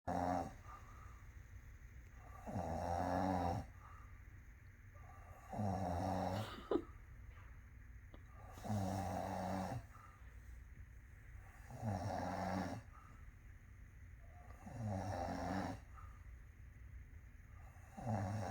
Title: When a Kitten has Never Heard a Human Snore 😄 🤣